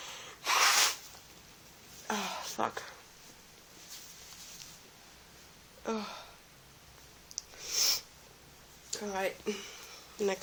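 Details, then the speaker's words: Adult sick in bed with an oncoming cold, feeling watery. Several sneezes, each with a sharp in-breath and a forceful burst, in a quiet room. Repeated sneezing with a head cold. "anyway I thought for your enjoyment I would get some sneezes out so let's see"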